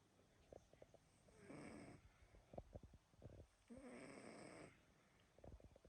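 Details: Sleeping animal gives two rough, rattling snores on successive breaths, with soft clicks and shuffling between them: snoring.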